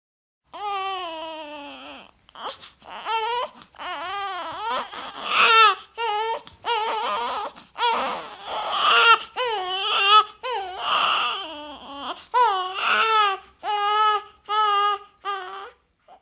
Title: Bebé Llorando Efecto de Sonido Baby Crying Sound Effect